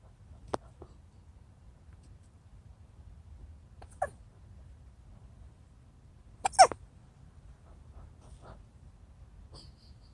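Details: Three soft, sharp infant hiccups spaced a few seconds apart in a quiet room; baby hiccups.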